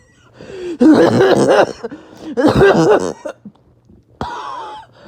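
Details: Two harsh, prolonged coughing fits with a rough, barking quality, followed by a whistling in-breath, after a bad 48 hours; barking, wheezing cough.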